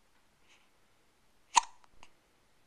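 A single sharp, abrupt hiccup with a brief glottal click, followed by a softer catch in a quiet room.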